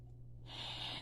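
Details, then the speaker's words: A dog behind her owner snores loudly: hissy snoring breaths over a low steady room hum. "this dog snores so loud she's right behind me"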